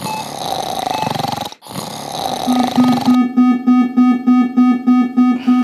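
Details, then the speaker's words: Ventilator high pressure alarm, which fires when peak inspiratory pressure is too high: rapid, regular electronic beeping after a burst of background music, then resolved. "what happened dog that was an i pressure alarm in a ventilator now it's sorted out okay"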